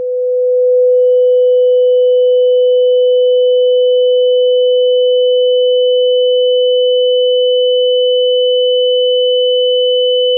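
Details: Simulated tinnitus: a steady pure tone with a fainter high ringing layered on top.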